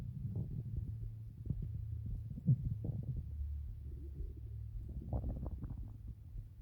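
Low rumbling, gurgling abdominal sounds rising and falling for several seconds: ordinary stomach growling from gas and fluid moving through the gut.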